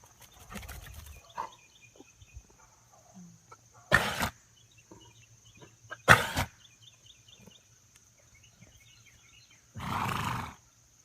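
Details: A female horse gives three loud, harsh, explosive coughs that sound surprisingly human-like: cough.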